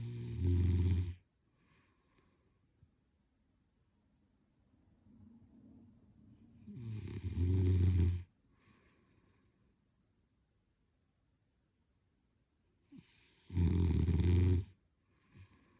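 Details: Snoring: three loud, low, rattling snores on inhalation, with quiet pauses between and a softer breath rising before each; about 9 breaths a minute.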